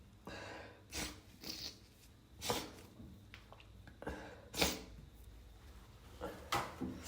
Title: trying to be quiet (stifles and muffled sneezes)